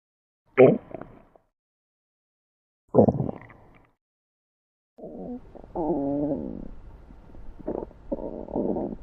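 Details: Stomach growling (borborygmi) sound effect collection.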